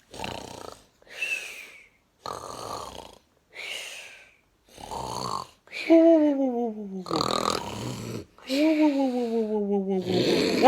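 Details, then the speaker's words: Simulated snoring acted out on purpose for a how-to video: loud, exaggerated snorts and rasping breaths, some with a voiced moan; imitated snoring. "he's so loud he woke me up that's how you make a snoring video"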